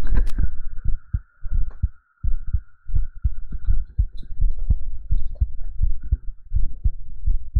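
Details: Deep, muffled heartbeat thumping steadily at about 85 a minute over a background hum, recorded on a binaural 3Dio microphone during a live ASMR stream: normal heartbeat.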